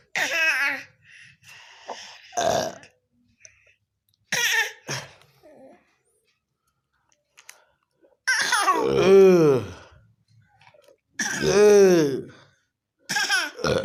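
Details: Baby coughing: several short coughs, some voiced and squeaky, separated by quiet pauses.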